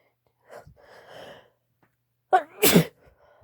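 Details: Soft breathy build-up and a sharp inward gasp, then one forceful explosive sneeze from a woman; sneezing.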